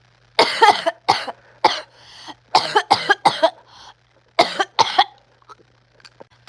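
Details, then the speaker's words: A person gives repeated harsh coughs in quick clusters, about nine in six seconds, while repeatedly trying to start speaking; a persistent coughing fit. "Bro I need to stop coughing, dude."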